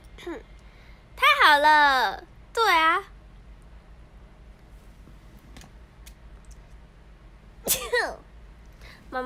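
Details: Non-Japanese Asian person sneezing: three short high-pitched voiced sneezes with rising then falling pitch, separated by quiet room noise; sneezing.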